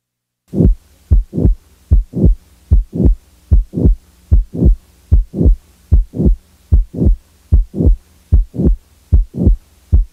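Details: Stethoscope recording from a mitral valve prolapse patient: regular heartbeat about 75 a minute with a late systolic murmur and no mid-systolic click.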